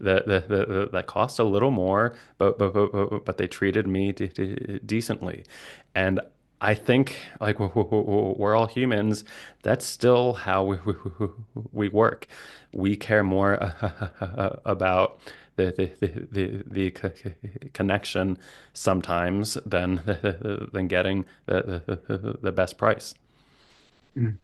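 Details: Adult man, a licensed speech-language pathologist who stutters, with sound, syllable and word repetitions and blocks; stuttering.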